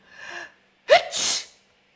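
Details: Sneeze.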